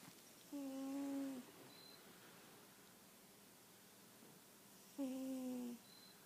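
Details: Sleeping cat snoring: two drawn-out, humming, tonal snores about four seconds apart over steady room noise.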